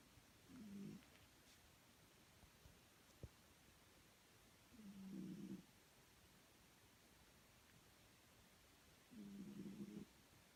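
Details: Soft, low rumbling snores about every four seconds, roughly 14 a minute, against quiet room noise; ordinary snoring.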